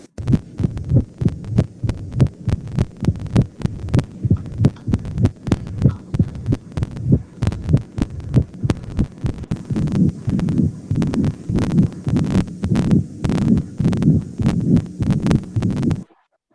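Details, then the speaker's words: Mitral regurgitation murmur from a heart-sound teaching recording on physical examination: rapid heartbeat near 100 a minute with a low, blowing hum between beats, blood flowing back instead of out through the valve. "jadi disini jantung itu mengalami kesulitan untuk memompakan darah melalui katup nya hingga yang harusnya dia keluar ke paru-paru"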